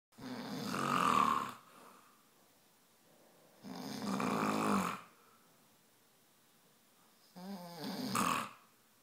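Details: Person snoring in a quiet room, loud enough to wake a sleeping cat: three loud, rough snores about four seconds apart, roughly 17 breaths a minute, ordinary heavy snoring.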